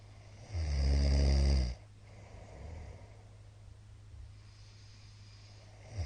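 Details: Middle-aged man snoring during sleep, recorded 13 March 2022 and described as very loud: one loud, deep, rattling snore on an in-breath, then quiet breathing with faint low room noise.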